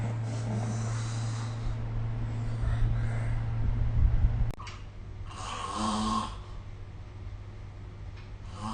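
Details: Snoring recorded with the SnoreLab app during sleep: deep, rumbling snores with snorting breaths and a steady low hum behind them; loud adult snoring.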